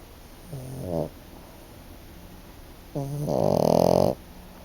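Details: Five-month-old French Bulldog snoring, which the owner assumes will get worse: two loud, rough, vibrating snores, the second longer and harsher; snoring from a narrowed upper airway.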